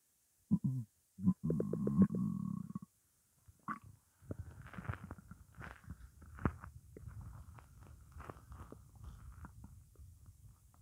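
Gurgling, bubbling low rumbles in irregular bursts, then a longer rolling gurgle; stomach growling from hunger, a normal finding.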